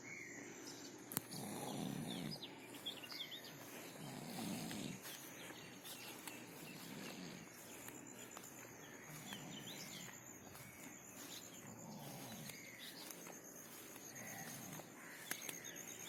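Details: Someone in deep sleep snoring with soft, low rumbling snores every few seconds; birdsong and insect noise in the background.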